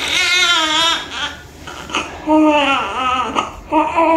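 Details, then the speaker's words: Vigorous newborn baby girl crying right after a normal vaginal delivery with face presentation; strong, clear wailing cries with brief pauses for breath. "Iyak iyak iyak iyak nagiiyak pa"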